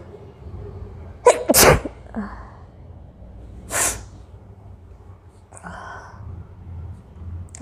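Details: Two sharp, explosive sneezes from an adult woman during a nose-blowing/sneezing challenge, with faint breathing and low room hum between them; ordinary sneezing.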